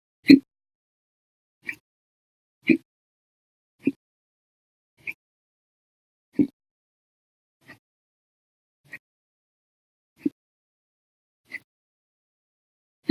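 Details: Violent, loud hiccups that lasted 12 hours 36 minutes after breakfast, lunch and 2 cups of soda after dinner: brief, abrupt gulping bursts about every second in a quiet room.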